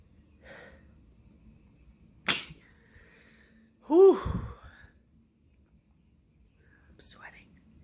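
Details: Person on day 5 of a head cold spreading to the throat: a sharp burst, then a loud voiced sneeze in a quiet room, with soft breathing before and after; sneezing.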